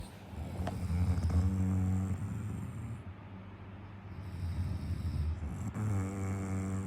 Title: Snoring competition 😴😡😩 #shorts